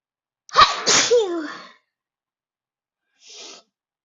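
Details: Sneezing fit at a desk: a loud voiced sneeze with a sharp intake and explosive release, then after a pause a softer breathy exhale.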